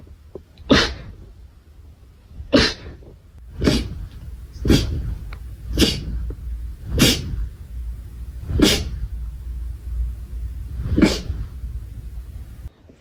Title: sneeze 101-110